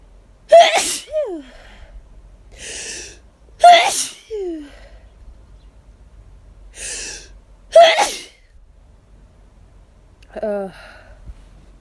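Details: Hay fever sneezing after running out of allergy medication, with itchiness and lightheadedness by the end: three forceful sneezes, each after a quick indrawn breath, ending in a brief voiced sound.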